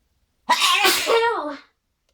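One loud, explosive voiced sneeze with a short build-up breath, lasting about a second; an ordinary sneeze.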